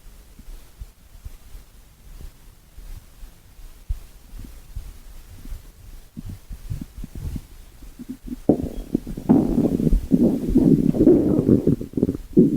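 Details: Stomach growling (borborygmi): faint ticking gurgles building into a loud, drawn-out low rumbling growl.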